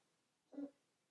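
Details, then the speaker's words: A single short, throaty gagging burst from a cat in a quiet room, part of hacking up a hairball. "oh my God sorry my cat's coughing up a hair ball let's just ignore that"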